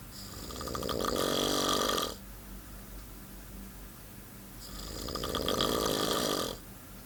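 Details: Snoring: two long, loud, rattling snores on breathing in, separated by quiet breathing out, about 13 breaths a minute.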